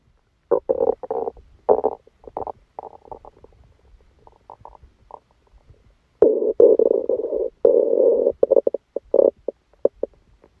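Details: Abdominal sounds recorded during a stomachache after Christmas dinner while the person slept: bursts of gurgling and rumbling with long growls between quiet gaps; active bowel sounds.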